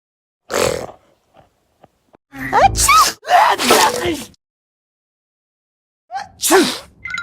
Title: Sneezes is cold out here? Sneeze everyone